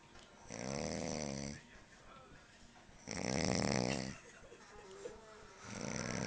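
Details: Two loud, rumbling, vibrating inhaled snores about two and a half seconds apart, a third beginning, with quiet breathing between; snoring after staying up for the Hatton fight.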